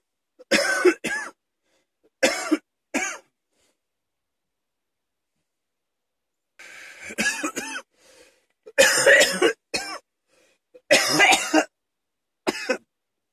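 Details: Asthma cough from an adult man with mild asthma: two bouts of short, harsh coughs, about nine coughs in all.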